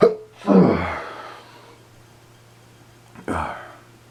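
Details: Person with suspected allergies, cause unknown (dust or pollen?), sneezing repeatedly: two forceful sneezes a few seconds apart, each a sharp burst of breath that fades out, in a quiet room.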